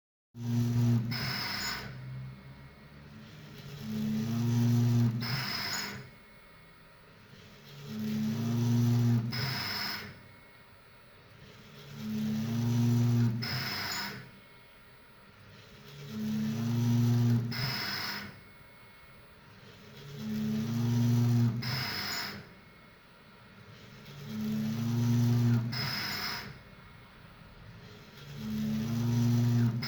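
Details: An Ethiopian-made ET VENT mechanical ventilator with an 11-inch touch screen showing pressure, flow and volume curves cycles steadily at about 15 breaths a minute, with a rising whoosh and a valve click.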